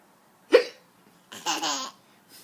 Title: Hiccups are funny